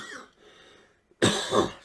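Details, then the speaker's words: A single loud, harsh chronic cough after a brief quiet moment, from an adult cancer patient the night before a fourth round of chemotherapy; the cough has persisted over recent treatments. "yep still got my cough i'll get into that at the end"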